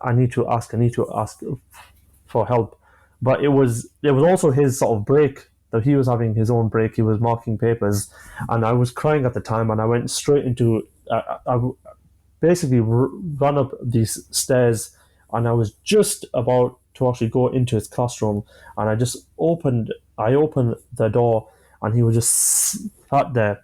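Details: A 25-year-old male with stammering (stuttering) since early childhood, beginning after an asthma attack; he experiences blocks and manages them with breathing techniques and pauses.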